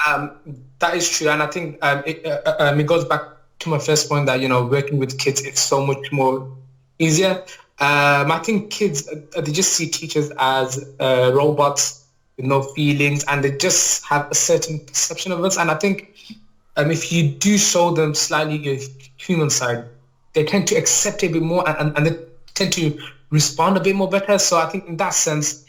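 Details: Adult male teacher with a lifelong stammer since childhood, which he describes as a neurological disorder, mainly blocking on words and sounds and worse when nervous; stuttering (stammer).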